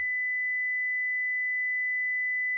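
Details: Simulated tinnitus: a steady, pure high-pitched tone rings without change, imitating the ringing, buzzing or whistling perceived in tinnitus.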